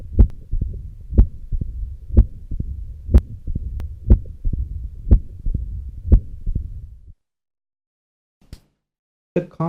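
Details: Mid-diastolic murmur of mitral stenosis in a cardiovascular short-case teaching demonstration: sharp, loud first heart sounds at about 60 a minute, with a low rumbling murmur filling the gaps between beats.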